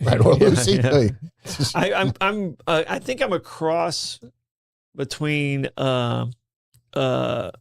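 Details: Stuttering in a male speaker who himself describes having a stutter.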